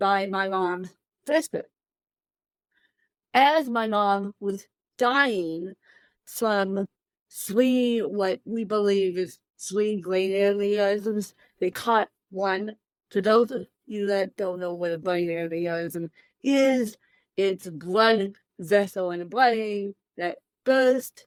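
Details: Dysarthria in an adult woman with cerebral palsy present from birth, born 13 weeks premature at one pound thirteen ounces; real, unacted speech.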